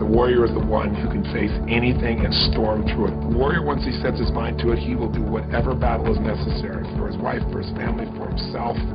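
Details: Adult man speaking; normal fluent speech.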